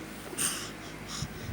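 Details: Thin pet cat with a cold (cough and runny nose) breathing noisily with hissing, congested, wheezy breaths from upper airway congestion; congested wheezy breathing.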